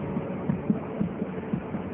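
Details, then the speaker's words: Normal fetal heart sounds at the point of maximum intensity during a Leopold exam demo, fetus cephalic with back on the right, counted in 5-second intervals (about 11–12 beats each): rapid, regular, soft thumping over a steady hum, faster than the maternal pulse. "yakin denyut jantung janin di mana denyut jantung janinan akan lebih cepat dari denyut Nji ibunya"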